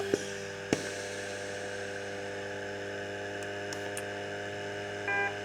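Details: Inogen Rove 6 portable oxygen concentrator running at highest setting 6 as a stress test, entering oxygen test mode: steady motor hum with a few clicks and a brief button beep.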